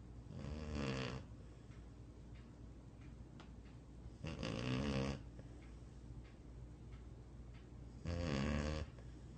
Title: Snoring Dog